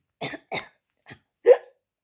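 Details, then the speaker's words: Adult woman with hiccups, which she says come most when she eats and talks; she apologizes as they start. "um hiccups hiccups are coming I'm sorry just ah okay if I'm near my phone I'm getting up sorry"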